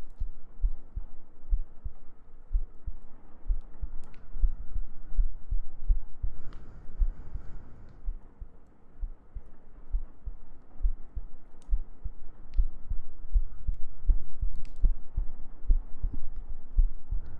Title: ASMR Sleep Aid | Your GF Cuddles You To Sleep ♡ [Heartbeats] [Gentle Breathing] [Humming]